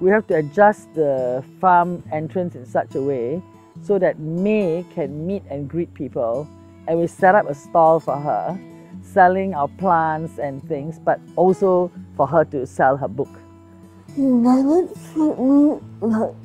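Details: Adult speaker; normal speech.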